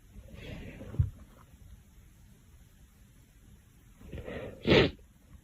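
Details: A short breathy cough, a pause, then a couple more quick harsh coughs from a girl: repeated coughing.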